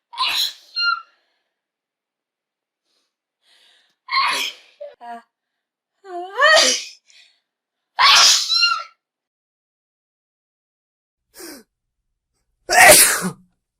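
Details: A series of separate human sneezes, each a sharp burst with a voiced 'achoo' quality, used for auditory discrimination training: sneeze.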